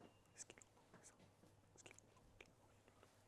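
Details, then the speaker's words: Simulated hearing with profound deafness (loss over 90 dB) while speech is given at 70 dB: near-silence with faint muffled clicks and fragments, so the message goes unheard. "Il entend pas le message puisque je parle à 70 et que sa surdité, elle est supérieure à 90. Donc, il l'entend pas."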